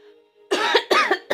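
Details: Voluntary cough: a mother deliberately fakes two or three short, forced coughs, not from illness.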